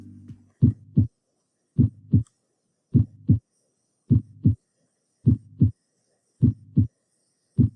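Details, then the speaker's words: Heart sounds added to a lecture animation of the cardiac cycle: clear, regular paired lub-dub beats at about 52 a minute, normal first and second heart sounds. "Let's now add in the heart sounds with this animation."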